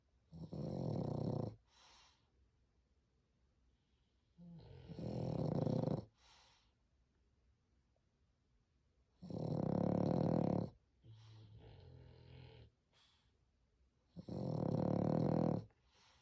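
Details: French Bulldog sleeping, snoring very loudly: loud, rough, rattling snores on each breath in with quieter breaths out, about four cycles in sixteen seconds.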